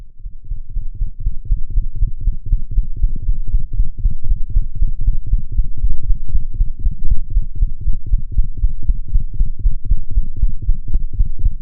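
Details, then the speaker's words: Cat with restrictive cardiomyopathy: rapid heartbeat with triple, galloping rhythm, extra low thud after the second heart sound; S3 gallop, though S3 versus S4 could not be distinguished at this heart rate without phonocardiography. "that was an s3 gallop sound in a cat that had restrictive cardiomyopathy hopefully you can hear the triple rhythm from which the name derives"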